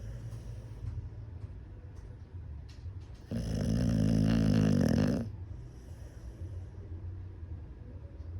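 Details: American Bully dog (female) snoring after a sleepless night of New Year's Eve fireworks: steady low breathing, then a loud buzzing, fluttering snore lasting about two seconds.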